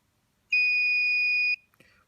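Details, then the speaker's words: Single steady high-pitched beep of about one second from a Bodyguard 323 Color Vision infusion pump: the unlock confirmation tone after the infusion is stopped and the padlock button is held, before changing the bag. "il faut ensuite déverrouiller la pompe en appuyant le bouton avec des cadenas ici enfin puyet maintenir un petit moment jusqu'à un bip"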